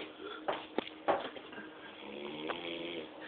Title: Funny drunk man snoring in the rhythm